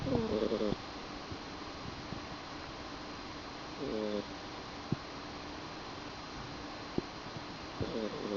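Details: Cat sleeping, recorded in low light: short, tonal, buzzy snores about every four seconds, roughly 16 breaths a minute, in a quiet room: snoring.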